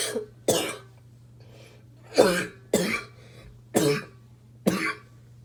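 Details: Smoker's barking cough: about six harsh, hollow, bark-like coughs in quick bursts over a steady low background hum.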